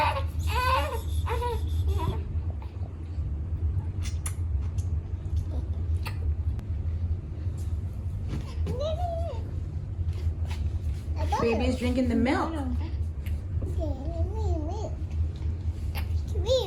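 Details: Young infant, about six weeks old and breastfed, crying in short bursts over a steady low engine-like rumble with brief adult talk, while being given a first bottle of pumped breast milk; infant crying.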